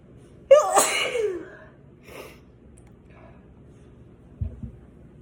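One loud, explosive sneeze with a voiced trailing sound, then a softer second burst: sneezing.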